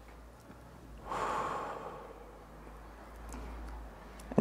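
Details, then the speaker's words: Ellipta dry powder inhaler demonstration: after exhaling and sealing the lips around the mouthpiece, a single long, steady, deep breath drawn through the inhaler, then quiet breath-holding. "so put your lips so first exhale put your lips around the nozzle"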